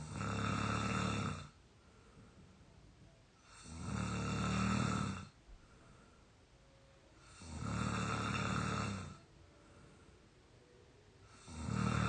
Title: real exhausted snoring 22 year old audio 3